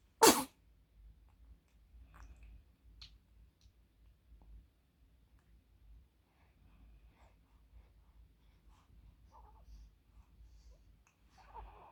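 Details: Infant at 44 days old, fussing at sleep time: one sharp, sudden sneeze, then quiet with faint small fussing sounds; an ordinary infant sneeze.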